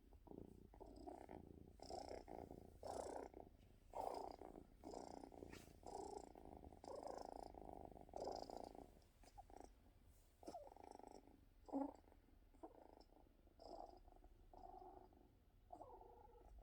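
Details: Cat purring steadily with faint whimpering or whining tones mixed into some purr cycles, heard just after a coughing episode.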